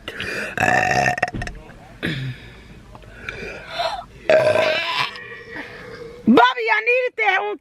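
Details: Woman burping with her young children, who are prompted to say "excuse me, mommy": several loud, drawn-out belches among talking voices, with laughter at the end; burping.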